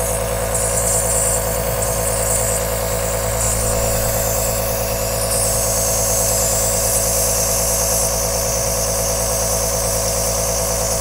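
Steady droning hum of a nebuliser compressor with a constant hiss and rattle, running without change throughout.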